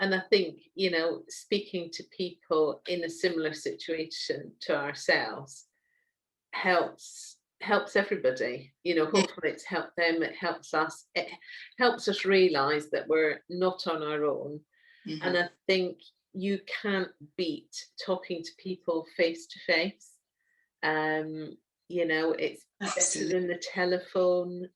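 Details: Adult woman speaking; normal speech.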